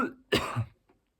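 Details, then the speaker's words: One short, harsh adult cough burst while speaking, preceded by a fading throaty sound, possibly throat clearing, in a quiet room. "see why I coughed up like that because I think the reason is I don't need to brush over this I need to get into this"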